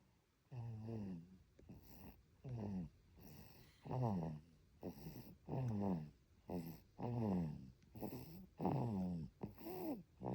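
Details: Twin baby sleeping soundly, snoring with soft rhythmic noises on each breath, about 38 breaths a minute; ordinary infant snoring.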